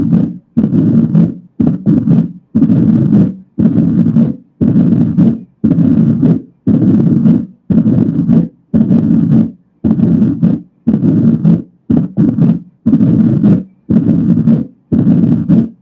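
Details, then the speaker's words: Low-pitched rumbling diastolic murmur after the second heart sound at the mitral area (apex), rising in pitch at the end from presystolic accentuation; mitral stenosis diastolic murmur. "Ahora vamos a escuchar cómo suena este soplo diastólico. Estamos en el foco mitral, entonces ya sé que estamos ante un soplo de estenosis."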